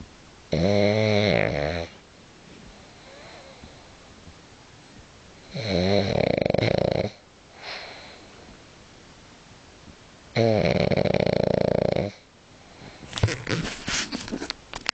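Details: Pug (small dog) snoring: loud, fluttering snores, three long rattling breaths in about 15 seconds, then snuffling.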